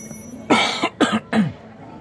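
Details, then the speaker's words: Three forceful, harsh coughs in quick succession, acted on purpose as a demonstration of coughing hard rather than suppressing it. "Pertama, Anda batuknya jangan ditahan. Kalau Anda tahan, batuknya tidak akan keluar ya. Coba Anda batuknya yang keras."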